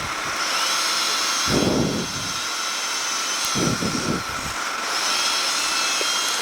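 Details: Steady high-pitched whine of an otologic drill with brief lower grinding bursts as the burr cuts bone during cochlear implant surgery, drilling the posterior tympanotomy near the facial nerve toward the middle ear.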